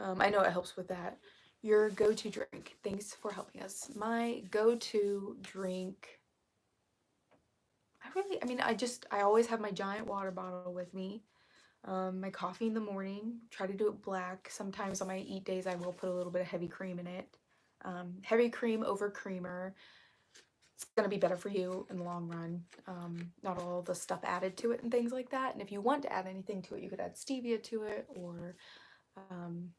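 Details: Woman with self-reported vocal fry, which she says is currently really bad and attributes to speaking quietly; vocal fry.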